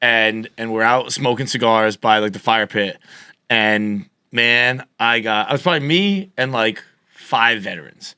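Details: Adult man who developed a stutter at age 20 after a softball to the throat and a fall causing a major concussion and a minor vocal contusion, later found by a neurologist to be neurogenic; neurogenic stuttering.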